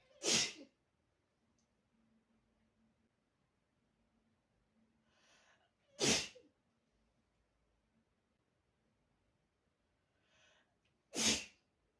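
Three loud sneezes about five seconds apart, each preceded by a quick indrawn breath; ordinary sneezing.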